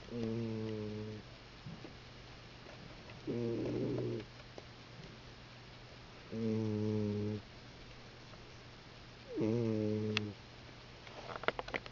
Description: My cat snores really loudly and for some reason I find that funny.